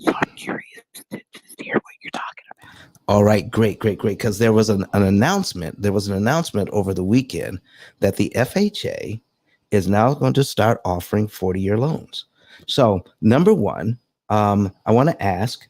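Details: Adult male speaker; ordinary speech.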